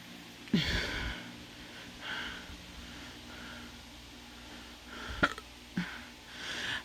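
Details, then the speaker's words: Hiccups in an adult who says they are under the influence: three sharp, abrupt gulping catches in a quiet room, each a brief jolt of breath. "currently have the hiccups. And I'm going to show you how to get rid of them."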